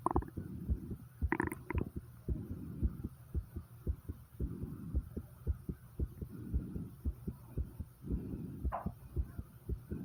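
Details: Rapid, regular heartbeat near 113 beats a minute with breathing noise, recorded right after 50 squats: normal sinus tachycardia after exertion.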